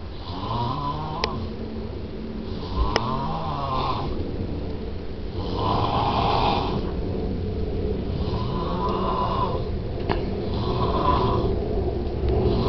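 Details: An adult man, the father, snoring (not the child); steady snoring with a rough, fluttering sound on each breath in, about five breaths a minute, over constant room noise.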